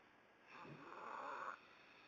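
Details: Son, who denies snoring, snoring with a booger in his nose: a single rough, whistling snore on breathing in, with a nasal edge, in a quiet room; snoring.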